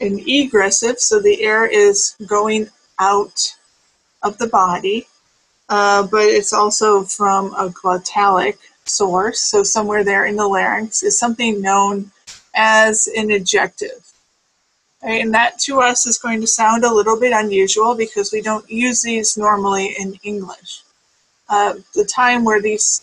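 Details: Adult speaker, lecture; normal speech.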